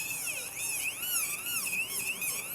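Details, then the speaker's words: High-pitched whine of a dental handpiece with wavering pitch as the bur rounds and shapes the resin core during an anatomic fiber-post reconstruction. "Então, esse corte desse pino tem que ser em 45º em relação à incisal, né? É claro que ele tá alto ainda, não me preocupo com isso por hora. Vou arredondar a minha resina,"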